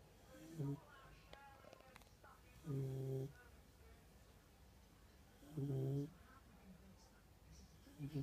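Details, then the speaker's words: Puppy snoring: short nasal snores recurring every few seconds, about 21 a minute, in a quiet room. "Coco, are you snoring? Coco, are you snoring?"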